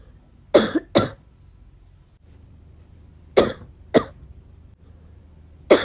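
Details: Five harsh coughs in pairs over a faint hum; a persistent cough.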